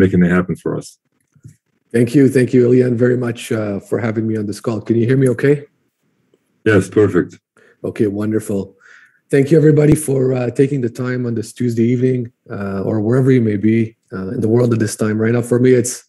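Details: Adult man speaking on a call; normal speech.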